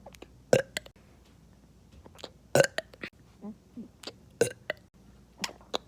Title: Me burping 40 times for no reason at all